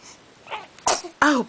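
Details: 8-week-old infant sneezing while awake and smiling: a soft breathy intake followed by a quick burst sneeze and a brief voiced sound; sneezing.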